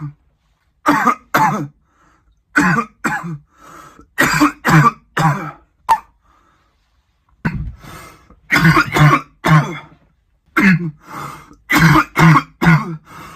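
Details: Adult man gives repeated bursts of harsh coughing, about fifteen coughs in clusters with short pauses.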